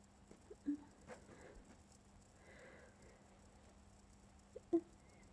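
Two small stifled sneezes, each a brief catch of breath and a muffled burst, in a quiet room; suppressed sneezing.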